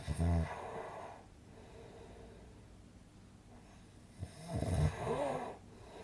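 Two loud, rattling inhaled snores separated by a quiet pause of several seconds; ordinary snoring during sleep.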